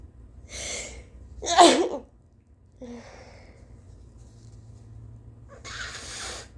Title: Late-morning sneezes and coughs, w/ snotty nose blows P.S.- I'm soooo tired...🥱😴🤧😫